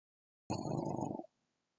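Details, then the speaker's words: Dog named Duncan sleeping, giving a single loud, low, rattling snort under a second long with a rough fluttering quality, unusually loud for him: snoring. "oh my did you hear that that was duncan snoring never heard him snore so loud"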